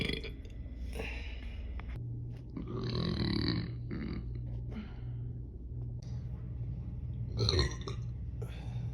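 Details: A girl burping: long, low, rumbling belches over a steady background hum.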